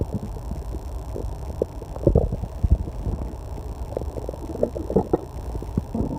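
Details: Loud, continuous low gurgling and rumbling stomach growling (borborygmi) from an adult during online testing, in a quiet room with a loud clock and air conditioner hum.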